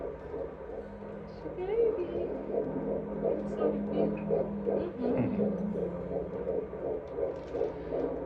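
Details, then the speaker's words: Rapid, regular whooshing fetal heartbeat on Doppler, around 150–160 bpm (earlier 183), which the midwife called usual and normal. "We did hear the baby's heartbeat, and I think the very first time the baby's heartbeat was 183, and now it's come down to 150 to 160, which she said the midwife said is pretty, usual and normal."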